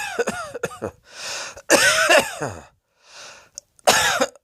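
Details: Repeated harsh coughs in bursts with voiced, strained catches and breaths between, about five coughs, from a person lying on a bed with belly heaving; cough.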